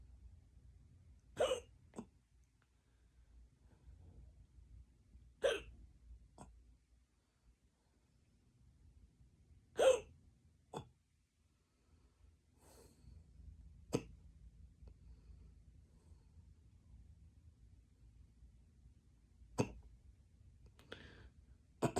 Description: I woke up and I got these hiccups. I can’t stop 😉